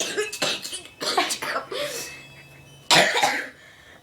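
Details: Child coughing: a run of about five short, harsh coughs, possibly forced on purpose.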